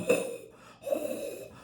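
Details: Two low, rattling, snore-like breath noises imitated by an adult to illustrate rhonchi, coarse secretion sounds, contrasted with the high-pitched whistling wheeze typical of bronchiolitis; not wheeze.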